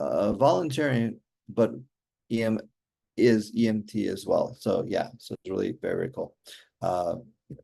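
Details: Aphasia in an adult male stroke survivor with hereditary mitral valve prolapse, following a stroke during mitral valve surgery in 2007; communication remains hard for him.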